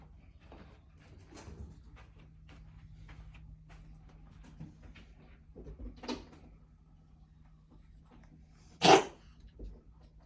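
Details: Pet (Simba) gives one loud, sharp cough burst with a couple of softer huffs nearby in a quiet room: cough.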